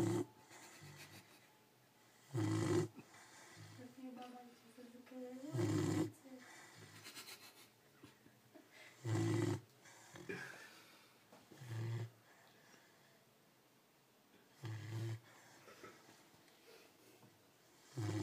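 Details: Sleeping Cane Corso puppy snoring: loud, rough snoring bursts about 19 per minute with quiet breathing between; ordinary snoring.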